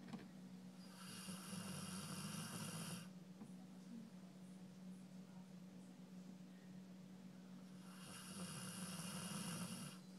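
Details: 12-year-old Golden Retriever snoring very loudly while asleep: two long, rough snoring breaths in about 10 seconds over a steady low hum, each with a hissing, fluttering rasp.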